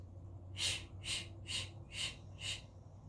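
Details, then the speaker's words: A sleeping puppy dog snoring close by: five quick, hissy, snuffling breaths, a little over two per second, over a low steady background hum. "release I really think you can hear my dogs snoring right next to my hat here if you're wondering with that snoring sound ass that's my puppy dog"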